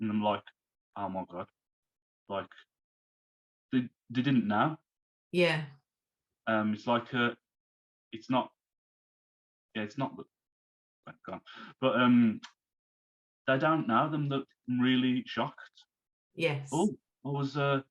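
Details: Man who had a stroke at age 33, about three months earlier, still recovering and overcoming speech difficulties; post-stroke aphasia.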